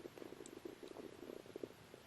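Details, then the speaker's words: Adult's stomach rumbling while on strong antibiotics: soft, bubbly gurgles and low croaking pops throughout; bowel sounds (borborygmi). "Alors, si vous entendez des gargouillis, c'est normal. C'était ça aussi, le on se tait, c'est que j'ai mon ventre qui fait des siennes."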